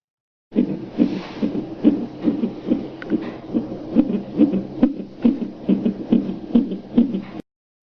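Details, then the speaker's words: Short Doppler clip of a fetal heartbeat inside the mother's abdomen: rapid, regular whooshing pulses, around 140 to 150 beats a minute: fetal heartbeat on Doppler. "And so I'm going to show you a tiny little clip, and the machine is a Doppler, and then you'll hear the sound of the baby's heartbeat just for a few seconds."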